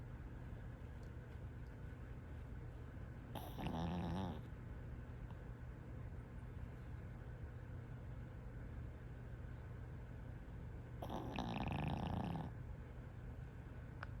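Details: A dog snores loudly and rhythmically while asleep.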